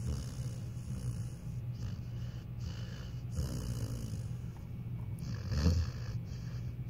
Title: My pitbull snoring and jerking in his sleep.